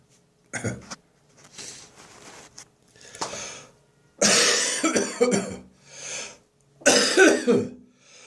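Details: Dry morning cough lingering after bronchitis, phlegm nearly gone: repeated dry, harsh cough bursts with throat clearing between them.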